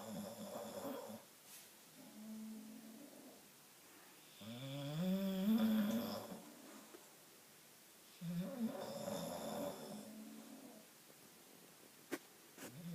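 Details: Bulldog snoring: long, rattling, whistling snores with drawn-out breaths in and out, in a quiet room.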